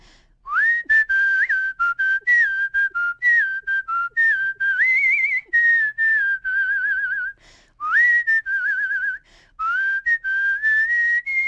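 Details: Whistling vocal tic in an adult woman with Tourette's syndrome, demonstrated on request; she says the whistle is a tic but also a way for her not to tic.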